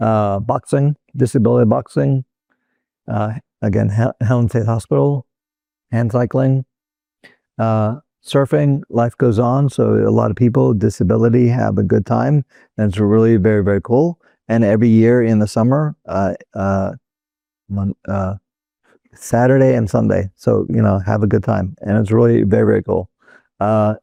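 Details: Adult man, a former paramedic, living with Broca's aphasia after a stroke in 2007: non-fluent, fragmented speech with fillers and repeated phrases.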